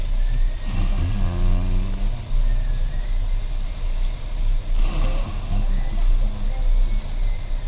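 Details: Loud, rumbling snores from an adult woman repeating about every four seconds, with a deep vibrating rattle on each breath; snoring.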